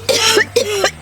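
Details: Two short, voiced adult coughs in quick succession, acted for a tuberculosis-screening campaign ad aimed at people 65 and older, with faint low hum behind; acted cough.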